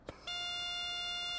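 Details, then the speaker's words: Parapac Plus 310 MRI-compatible transport ventilator check, patient valve port briefly covered: a click, then a steady high-pitched pneumatic audible alarm as the high inflation pressure indicator shows red. "the pneumatic audible alarm sounds and the high inflation pressure indicator shows red"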